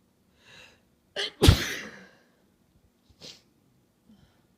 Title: sniffle, sneeze, honk